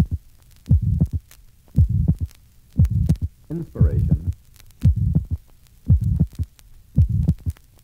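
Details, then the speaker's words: Pulmonary stenosis at the pulmonary area (second left interspace): mid-systolic ejection murmur with delayed, soft pulmonary valve closure and abnormally wide second-sound splitting that increases with inspiration; heartbeat about 57 per minute, recorded through inspiration and expiration. "pulmonary valve closure is delayed and abnormally wide splitting of the second heart sound is conspicuous note that the splitting increases with inspiration and the second component or pulmonary valve closure is soft"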